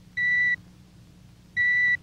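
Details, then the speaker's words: Adult male patient in otologist's office during audiometric testing via earphones, after Weber test heard in midline: two steady, high pure-tone sample beeps with a pause; audiometer test tone. "A sample tone is given him like this. The patient is then asked to raise his right index finger each time he hears the tone."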